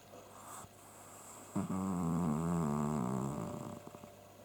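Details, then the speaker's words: Sleeping pet cat snoring: a single loud, drawn-out rumbling snore with a fluttering, vibrating quality over quiet room noise. "сейчас мы будем снимать как храпит Наш кот"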